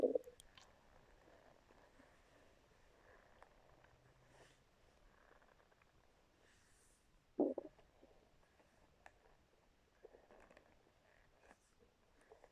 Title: stomach growling with my brush